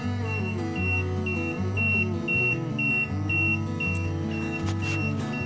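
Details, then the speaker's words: Regular short high beeps, about two a second, over loud music: a kitten neonatal incubator alarm sounding until it reaches its starting temperature, thought to be about 86 or 89; humidity is about 40%. "beeping is because it is not a temperature a temperature I think it's got to get to like 86 I think is what obsess about or 89 the normal starting temperature or whatever it is that's what we're gonna leave it at"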